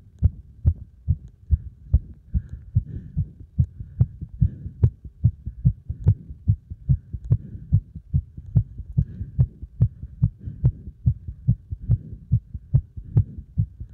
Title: 強めな運動負荷で暴れる心臓